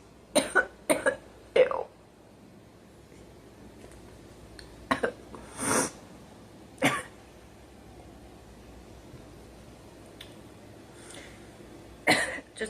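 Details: Girl coughing: several short, sharp coughs in a quick cluster, then scattered single coughs and throat clearing over quiet room noise; repeated coughing.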